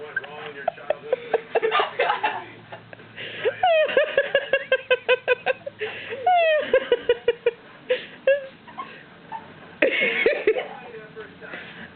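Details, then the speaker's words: A young girl (age unclear; 5 and 12 both mentioned) talks while frequent, irregular, sharp gulping hiccups break into her speech and cut words short. Quiet room. "nothing like hiccup talk that's just hilarious"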